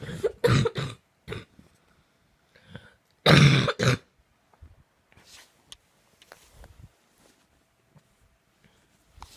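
A run of harsh coughs and throat clearing in quick succession, then quieter breaths and small throat noises; a coughing fit.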